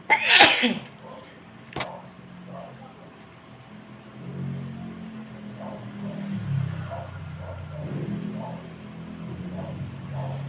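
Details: One loud, tickling sneeze, then a sharp snort, followed by soft voices and a low vehicle hum.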